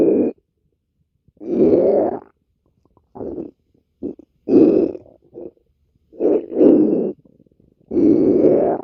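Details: Stomach growling (borborygmi) from a person's stomach.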